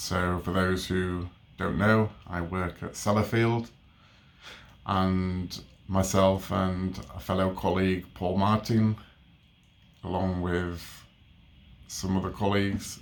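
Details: Adult man with a stammer since age three, overt in childhood, who attended speech therapy from ages 3 to 12; stammering.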